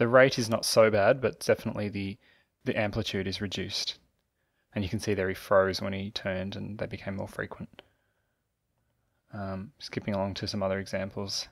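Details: Adult male narrator; normal speech.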